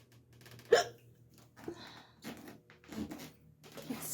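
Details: Woman with hiccups at bedtime in her bedroom: a sharp, sudden hiccup with a brief catch of breath, followed by quieter breathy sounds, in a quiet room.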